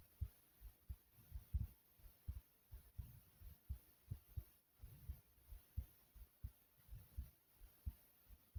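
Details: Female heartbeat recording: steady, soft low lub-dub pairs repeating evenly over a quiet background; normal heart sounds.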